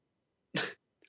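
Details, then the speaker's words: A single short, harsh cough from an adult on a live stream, followed by a faint trailing sound. The cougher blames eating chips; the other speaker attributes it to laughing or embarrassment. An isolated cough. "okay why you keep coughing each time each time things get hot you start coughing"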